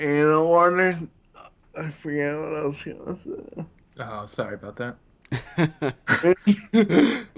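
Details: Ataxic dysarthria in a man with Friedreich's ataxia, a neurological disease affecting balance, coordination and his speech.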